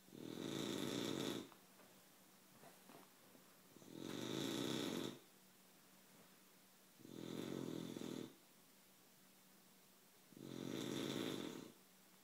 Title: Sassy snoring